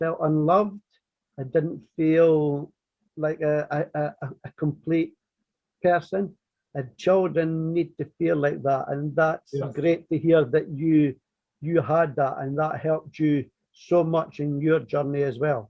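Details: Stuttering (stammering) in an adult man from north-east England who has stammered since very early childhood, formerly covert and never severe; part-word and word repetitions are heard in this stretch.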